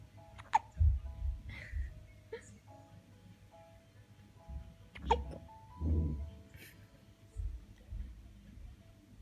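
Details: Newborn baby, 5 days old, hiccuping: two small, sharp, squeaky hiccups about five seconds apart, likened to a beeping machine, with soft music and faint talk in the background.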